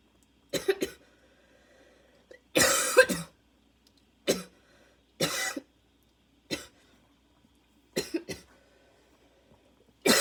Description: thought i was done but another fit came a few minutes later after i uploaded the previous video! my lungs were not ready for this at all, inhaler needed badly